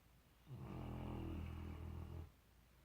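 A single long, low, rumbling snore on the in-breath, lasting under two seconds. Ordinary snoring.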